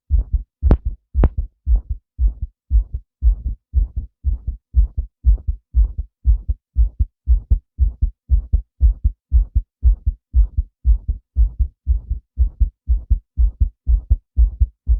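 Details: Male heartbeat: steady, regular low thumping with clear paired beats throughout and no added noise.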